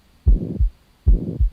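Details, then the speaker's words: Heart murmur: two heartbeats at about 75 a minute with a whooshing noise filling the gap between first and second sounds, from turbulent blood flow through the heart, contrasted with a normal heartbeat. "a heart murmur is the sound that's made when blood flowing through the heart is turbulent"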